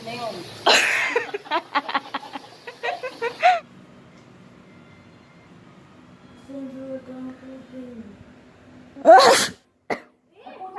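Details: Deliberately faked sneezes as a prank: loud, explosive sneezes with laughter and talk between them.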